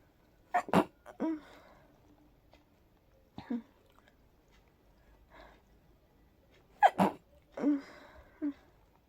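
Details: Sleepy person trying to fall asleep with allergy sneezes, probably pollen-triggered: breathy, partly stifled sneezes, a pair near the start and another pair later, with soft breaths between; sneezing.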